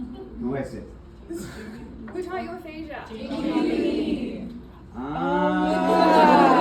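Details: Adult man with aphasia and apraxia of speech after a February 2024 stroke, initially nonverbal with right arm and leg affected, followed by several further strokes; still in speech therapy; aphasia with apraxia of speech.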